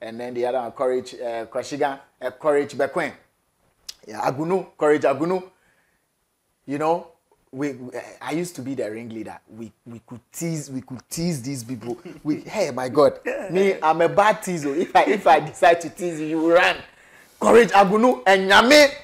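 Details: Adult male speaker; speech.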